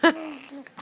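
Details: Infant boy, happy and chatting while having hiccups: a single sharp, abrupt voiced catch followed by brief soft babble, a hiccup.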